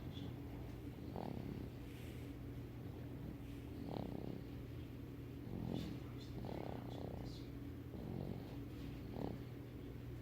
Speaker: don't know if you can hear. She's snoring.